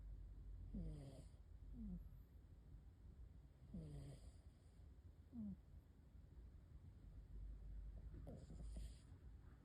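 Soft, rhythmic squeaky snores, a few seconds apart, over low room hum. A sleeping cat snoring.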